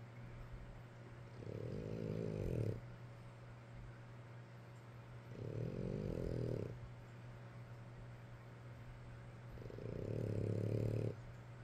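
Low, buzzing snores about every four seconds over steady room hum, roughly 14 a minute: regular snoring.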